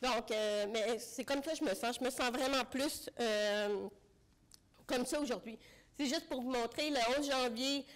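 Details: Deaf speech in French from an adult woman with congenital bilateral severe-to-profound hearing loss; she used a hearing aid for about thirty years, recently finished cochlear implant rehabilitation, and relies on lip reading.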